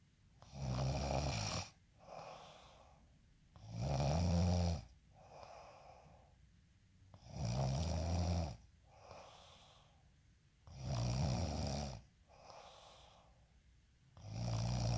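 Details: Loud rattling snores on each breath in, with softer breaths out, about 17 breaths a minute; snoring during sleep.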